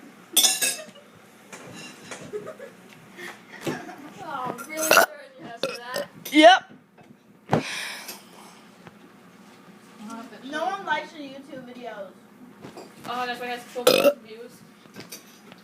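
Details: Child doing deliberate, loud, voiced burps between bits of talk, with kitchen clatter in the background; burping.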